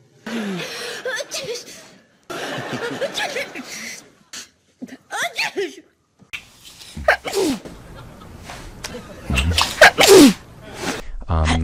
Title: Celebrities sneezing